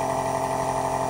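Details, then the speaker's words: Otica ONEB-2 portable compressor nebulizer switched on at the back and turned to its highest setting: steady mechanical motor hum and buzz; compressor nebulizer running. "there is one switch on the back side you have to switch it on on this side machine machine has started coming you just need to rotate this rotator the slow side"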